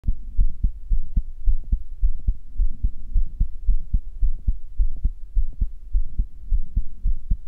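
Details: Own current heartbeat recorded with a stethoscope microphone: steady low heartbeat thumps with a faint steady hum behind them.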